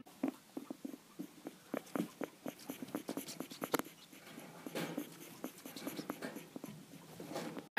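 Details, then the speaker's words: Guinea pig with respiratory infection and mucus in her lungs: rapid, repeated clicking breaths, weird and labored, as she tries to clear the mucus. "can tell her breathing sounds really weird at ice trays clicking sound and sounds very labored and that's because she had mucus in her lungs and she was trying to get it out"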